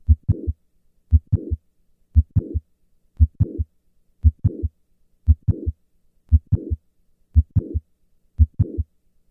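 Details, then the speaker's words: Mitral valve prolapse at the apex during hand grip maneuver: regular heartbeat near 58 per minute with a mid-systolic click and short late systolic murmur; hand grip moves the click later from S1. "hand grip causes an increase in left ventricular volume and causes the click to move later insistently this listen to the change in the S1 click interval during a hand grip maneuver"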